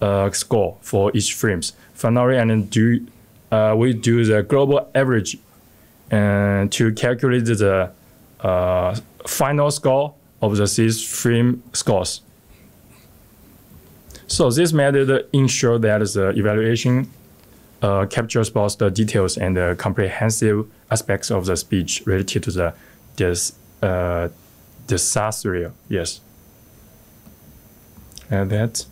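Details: Adult male speaker; normal speech.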